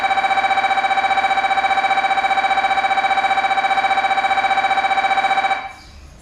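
Steady, rapid electronic buzzing tone pulsing about 220 times a minute, then stopping abruptly; typical MRI scanner sequence noise.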